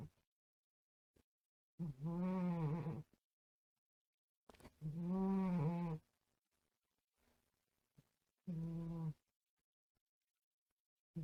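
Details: Cat snoring while asleep in a room, found after being heard from elsewhere: three loud, drawn-out moaning snores with silent pauses between, about 19 a minute; ordinary snoring.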